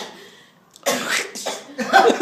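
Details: Two or three harsh, forceful cough bursts close together in a quiet room, from an adult living in Beijing during a week of very poor air quality (PM2.5 readings over 800); cough.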